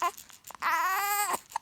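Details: 7-week-old baby boy with hiccups, said to be asking for milk, gives a short, steady, tonal cry under a second after small fussing sounds while being soothed; infant cry.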